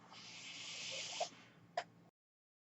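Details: The speaker's own mechanical ventilator heard during speech: a steady rising hiss of air lasting about a second, then a short puff and click, making one breath cycle.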